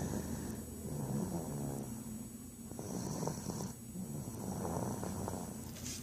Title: 5/20/14 snoring